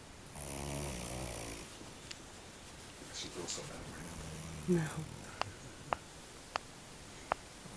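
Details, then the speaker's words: A giant sleeping cat snoring like a human: one long, loud, rattling snore on an in-breath, then quiet room sounds with a few sharp clicks. "I can't believe it. He snores like a human."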